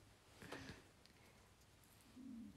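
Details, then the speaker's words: Hunger stomach growling (borborygmi) during a livestream from someone who has eaten only one meal that day: two quiet, low gurgling rumbles with a wavering, slightly tonal pitch in a quiet room. "お腹鳴った。めっちゃごめんね、お腹空いちゃった。まだ今日一食しか食べてないから。"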